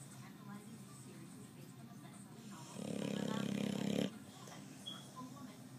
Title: Snoring boxer